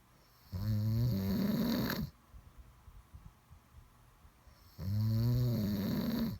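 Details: Two loud, rough, low rattling inhaled snores about four seconds apart, with quiet breathing between; typical snoring.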